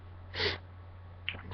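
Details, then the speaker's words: A single short, fairly soft sneeze over a steady low hum, deliberately self-induced by tickling inside the nose with a Q-tip; an ordinary sneeze. "can't get to that spot I think I got oh my god it worked all right I got some out"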